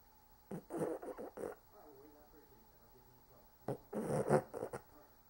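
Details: Two rough, fluttering snorts about three seconds apart, each a short cluster of raspy bursts on the breath, with quiet between: snoring.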